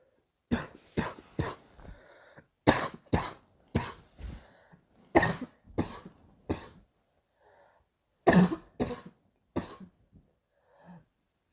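Repeated bursts of harsh coughing, about sixteen coughs in clusters of two to four, with brief pauses between runs.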